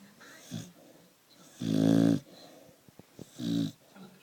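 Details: Sleeping Staffy (Staffordshire bull terrier) snoring: a long, throaty, rumbling breath and a shorter one, with soft snuffles between.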